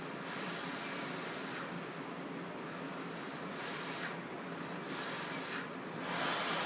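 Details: Respironics V60 non-invasive ventilator in BiPAP mode via mask, demonstrated on a spontaneously breathing user at IPAP 12, EPAP 5: continuous air hiss with rising surges about every two seconds as pressure-supported breaths are delivered.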